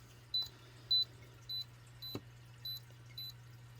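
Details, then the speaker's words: CMS 500DL Generation 2 fingertip pulse oximeter beeping with the pulse: short, quiet high beeps, one per heartbeat, rhythm a little uneven, around 100 a minute; alarm sounds if pulse drops to 50 or below. "and this currently is beeping with the pulse it will also give you an alarm beep if your pulse level goes down too low at 50 or below"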